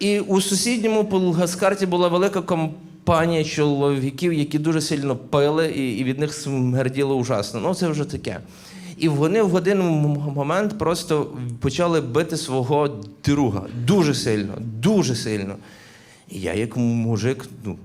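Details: Adult man who stutters, performing live stand-up comedy in Ukrainian; stuttering.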